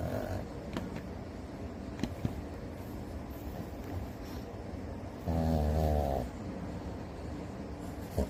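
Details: Sleeping dog snoring: low rumbling snores with one louder, longer snore partway through, over background room noise.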